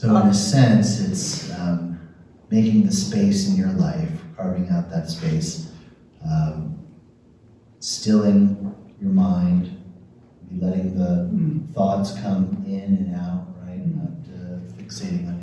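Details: Adult man speaking; ordinary speech.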